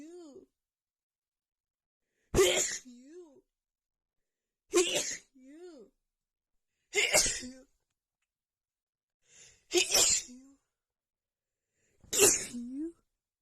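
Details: Female with a cold and unbearable nasal tickle: five sharp sneezes about every two and a half seconds, each after a drawn-out voiced inward breath; repeated sneezing attack.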